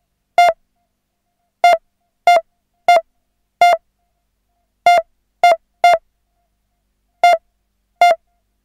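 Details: Simulated synthesised pulse-monitor beeps at uneven intervals, about ten in nine seconds, marking an erratic, irregular pulse; hospital-equipment sound effect; irregular monitor beeps.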